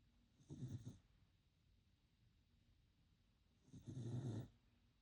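Two soft, low, rattling snores a few seconds apart on breathing in, from a sleeping puppy; quiet room.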